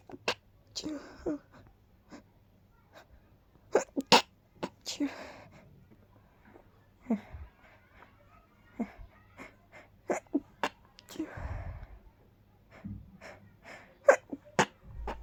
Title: Quite breathy powerful stifled sneezes 🤧